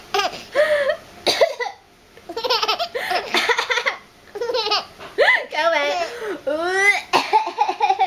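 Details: An adult coughs a few short times while an infant laughs brightly in a small room.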